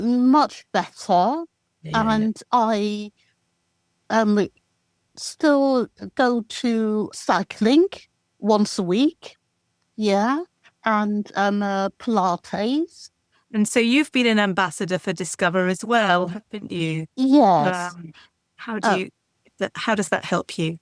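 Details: Adult woman with expressive aphasia after a stroke in December 2018, with four months of rehabilitation relearning speech; manages simple sentences but struggles with ideas and complex sentences, with comprehension less affected: expressive aphasia.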